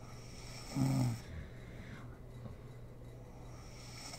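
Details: Sleeping mother snoring in an ASMR recording: low rattling snore on breathing in, quiet breathing between, another snore starting at the end; snoring in sleep.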